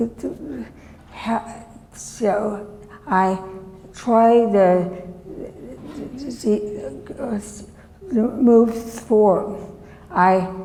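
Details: Woman, former professor, with chronic aphasia since a severe stroke in 2010 that disabled her right side and took her speech; she relearned making sounds and saying her name and still cannot speak as before; non-fluent aphasia after stroke.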